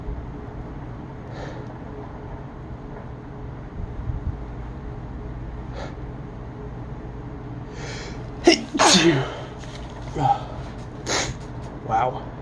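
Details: Phone recording of a sneezing attack: quiet breaths, then a burst of about four or five sneezes in quick succession over steady background hum; sneezing fit.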